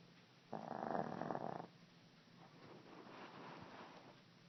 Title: Kiki snoring